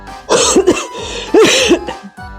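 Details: Cough from an adult real estate agent during cold and flu season, caught in a blooper while recording.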